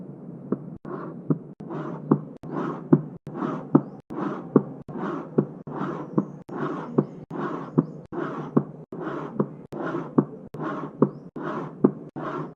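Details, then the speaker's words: Early diastolic murmur of aortic regurgitation, regular rhythm about 73 a minute: high-pitched, blowing, decrescendo murmur beginning with A2, right after the second heart sound. "Early diastolic murmur in aortic regurgitation begins with A2. It's a decreasendo murmur and a high-pitched murmur."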